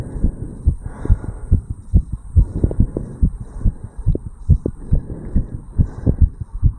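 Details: 35-year-old male's heartbeat recorded at the tricuspid valve area after jogging uphill: fast, regular heartbeat with clear paired thumps, roughly 140 beats a minute; heart sounds after exercise.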